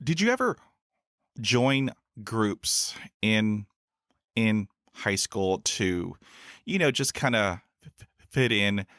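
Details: Real stuttering in an adult man who has stuttered since his school years and has had about 20 years of speech therapy in school, college and the US Air Force.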